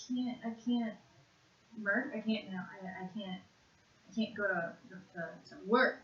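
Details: 56-year-old woman with severe conduction aphasia after a single left-hemisphere stroke in June 2012, with jumbled speech that worsens with stress, naming animals in a one-minute word fluency task; conduction aphasia.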